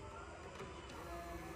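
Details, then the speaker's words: Arduino-built digital blood pressure monitor with ILI9341 TFT LCD under test: steady buzzing whir of the small pump motor as the cuff inflates. "bisa dilihat ya ini tekanan secara real time-nya ya Dan ini pompanya bunyi ya pompanya bunyi dan ini mansetnya juga Mulai apa menggembung ya teman-teman ya"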